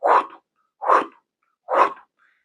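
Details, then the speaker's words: Simulated aortic stenosis murmur: a voice imitates three breathy early systolic ejection whooshes at about 70 a minute, with an exaggerated, clearly heard second sound, contrasted with mitral regurgitation. "Y la estenosis aórtica suena principalmente al principio del primer tiempo, que sonaría como..."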